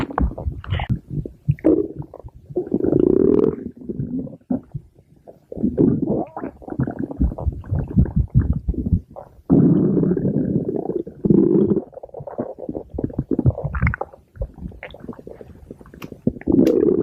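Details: Loud, prolonged gurgling and rumbling with bubbly bursts and long low growls; stomach growling attributed to the cartoon character Pink Diamond.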